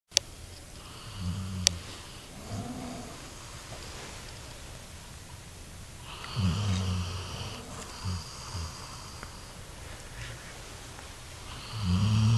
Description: This is my Brindle lab snoring.